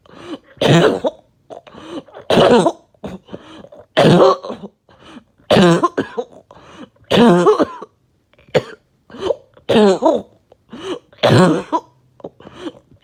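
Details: Coughing fit of repeated harsh, wet coughs after taking medication, rattling, gurgling thick mucus breaking loose between bursts; productive cough.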